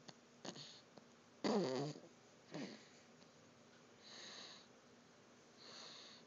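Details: Snoring: a rough, rattling inhaled snore followed by softer whistling breaths in a quiet room.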